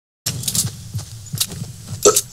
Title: Fortnite & Hiccups!